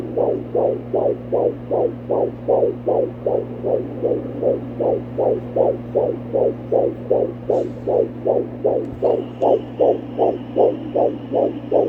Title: Fetal Heartbeat with Doppler ❤ Almost 17 Weeks Pregnant